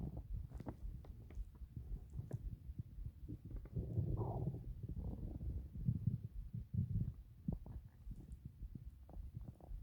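Low, rumbling gurgles and bubbling rolls from the belly, ordinary stomach growling from gas and fluid moving through the gut.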